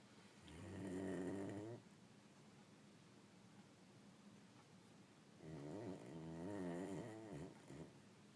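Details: Animal napping after a long day: two long, rumbling, buzzing breaths about four seconds apart in a quiet room; snoring.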